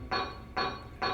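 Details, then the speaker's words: Click-evoked otoacoustic emissions from the same ears with abundant spontaneous emissions: repeated click presentations, each followed by sustained, strongly tonal ringing at several steady pitches. "oked otoacoustic emissions of the same ears we just heard for spontaneous. There's 5 presentations, the click and then the response, the click and then the response."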